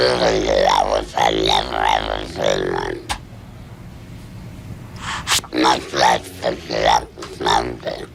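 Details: Adult woman, a former smoker of 23 years, with laryngeal cancer treated by total laryngectomy; she speaks with a hands-free device; alaryngeal speech after total laryngectomy.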